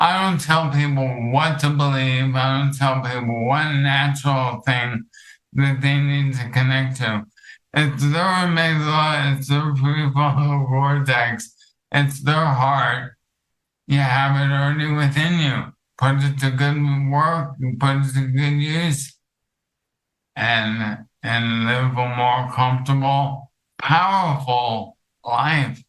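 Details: Dysarthria from ALS in an adult male counselor; the ALS affects his vocal cords, makes talking for long periods difficult and has reduced his speech clarity.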